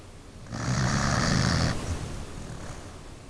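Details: Snoring from a sleeping pet dog: one long, loud rattling snore lasting over a second, then quieter breathing.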